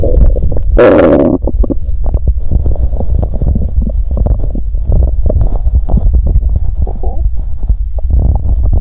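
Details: Hunger borborygmi from an empty stomach after exercising while hungry and feeling unwell; described as a good hungry stomach sound.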